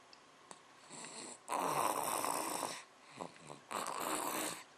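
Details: Baby snoring: small, hissy, rattling snores with short quieter breaths and snuffles between the louder ones.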